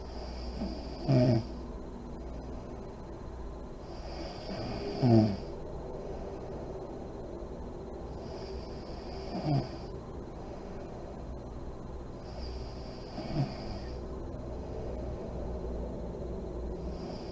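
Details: Sleeping mother in deep REM sleep, lights on: four rough snoring breaths over seventeen seconds, about 15 a minute, with quiet hiss between them.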